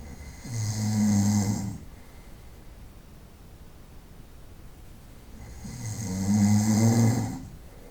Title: Ronquidos por la noche-Snoring at night sound